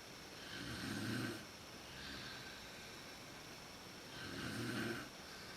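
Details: Mother snoring in a dark room, recorded on a PowerShot SX130IS camera; snoring worst at sleep onset. Two loud, rough snoring breaths about 3.5 seconds apart with a softer breath between, over room hiss: snoring during sleep.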